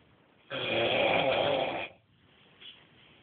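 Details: Snoring: a single loud, rough, vibrating breath lasting over a second, then quiet.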